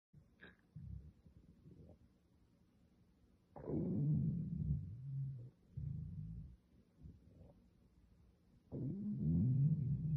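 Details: Boxer dog reacting to a loud stomach growl: low gurgling rumbles in bursts, typical growling stomach from normal gut movement (borborygmi).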